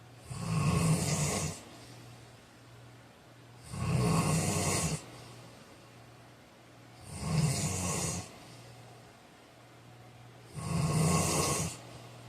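Four loud, rough snores on inhaling, about 18 breaths a minute, with quiet exhales between; ordinary snoring during sleep.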